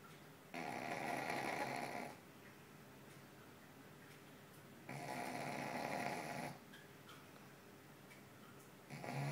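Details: Overweight sleeping dog: rough, rattling sounds repeating with each breath, separated by quieter pauses; snoring.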